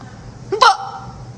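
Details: One abrupt, forceful hiccup, a sudden caught gulp of air with a short voiced catch in a quiet room, from someone who reports getting hiccups often; hard hiccups.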